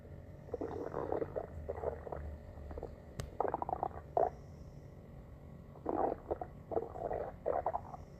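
Irregular gurgling, bubbling rumbles from a pet's belly: ordinary stomach growling from gas and fluid moving through the gut.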